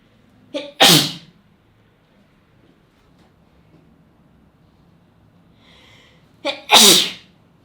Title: spray sneezing 2 (Sample, 4K)